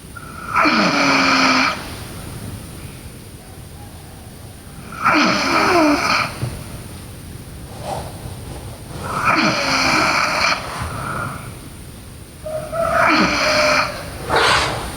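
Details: Sleeping girl snoring: loud, rough snores on each breath in, about 14 breaths a minute, with quiet gaps between them.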